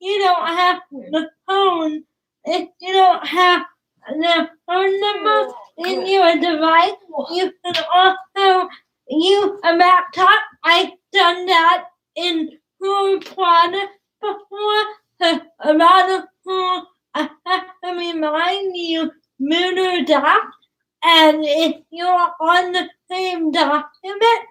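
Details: Woman about to turn 20 with cerebral palsy, speech difficult to understand, father notes trouble with plosive sounds such as p and b; dysarthria (cerebral palsy).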